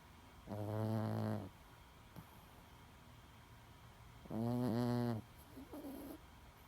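Two long, buzzing, droning snores on the in-breath, a few seconds apart, in a quiet room; loud snoring in a pet.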